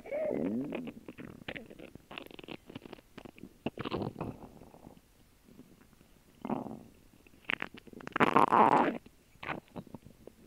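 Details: After a lunch of a grilled cheese sandwich and water: gurgling, squeaky rumbles and bubbling bursts from the belly during digestion; ordinary active bowel sounds (borborygmi).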